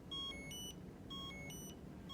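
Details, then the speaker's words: Philips Avalon cordless wireless fetal monitor: the transducer's "find" locator chime, two short repeating electronic chime patterns. It calls the patient back to the room when fetal heart rate or toco contraction monitoring is lost. "we want to let the patient know that that's how we're going to communicate with them and ask them to come back to the room when we when they hear that little chime"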